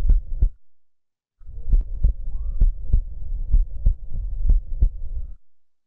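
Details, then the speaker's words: Cardiac auscultation in a clinical case where pericarditis and spontaneous pneumothorax were suspected: regular, normophonetic paired heart sounds at about 65 a minute, with no murmur or friction rub. "E aí o que vocês acharam ausculta cardíaca dele a agulha estavam rítmicas normofonéticas um médico nós tem algum sopro não é muito bom"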